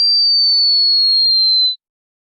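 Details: Simulated online hearing test tone: a pure high whistle, falling very slightly in pitch, lasting under two seconds then stopping.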